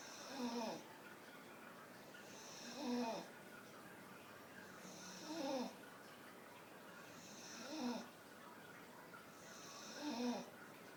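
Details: Staffordshire Bull Terrier sitting behind its owner with eyes wide open, giving regular rattling snores on each breath in, about 13 a minute, with quiet breaths out between; snoring.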